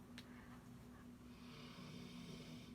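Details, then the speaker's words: Snoring from Bernice, a pet lying close to the microphone during a recorded tarot reading; snoring. "can you hear bernice snoring i was so excited that i finally like had peace and quiet to do this reading like the day before the full moon and then she's like laying as close to the microphone as she can snoring her little heart out"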